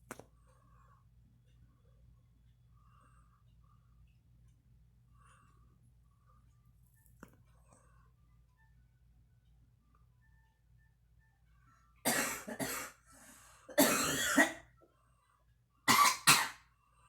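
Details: Adult woman coughing while smoking: after a long quiet stretch, three short, harsh bouts of cough.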